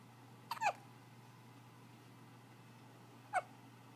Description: trying to sleep amidst his hiccups!